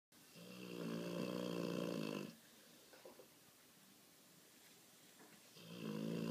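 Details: Sleeping dog in full snore mode: loud, low rattling snore on the in-breath, then a quiet pause before the next snore begins; snoring.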